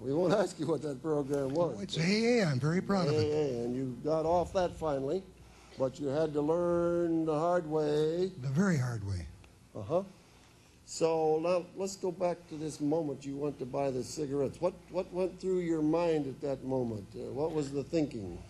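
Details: Adult male interviewer with brief replies from a second speaker; normal speech.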